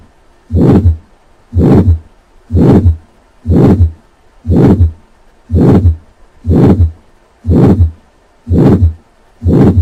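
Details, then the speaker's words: Aortic stenosis murmur: regular beat about 60/min with a harsh systolic murmur, added after three normal beats; heard at the second right intercostal space with the stethoscope diaphragm. "the murmur of aortic stenosis is systolic and harsh and quality and is heard at the second right intercostal space with the diaphragm of the stethoscope"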